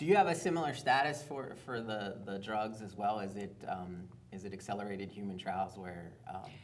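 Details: Adult man speaking; typical speech.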